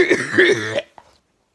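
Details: Adult chronic cough that has recurred every year for five years, lasting 6 to 9 months each time and milder this year: one drawn-out, voiced, throaty cough or throat clear, then a faint brief second burst.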